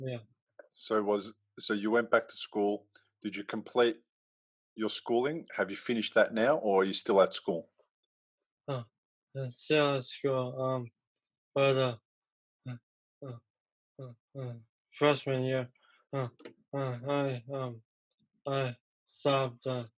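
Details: Young man who had a stroke at age 15 from a ruptured arteriovenous malformation and was left in a coma; three years later he has aphasia, with trouble getting words out but not with understanding.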